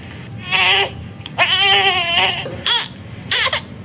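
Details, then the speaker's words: Infant's short, clipped "eh-eh" cries, taken to mean lots of trapped air in the stomach and a need to burp: a burp-needed infant cry. "แสดงว่าเ้ามีดมในท้องเยอะนะคะเขาก็อยากจะนะคะ"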